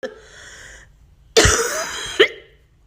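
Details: Chinese woman coughing and vomiting: a strained vocal sound, then a forceful harsh cough with a short second burst; adult cough.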